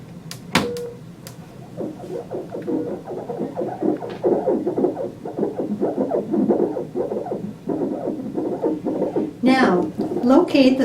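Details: Rapid rhythmic whooshing pulses of fetal heartbeat heard through the ultrasound transducer of a Philips Avalon FM50 fetal monitor.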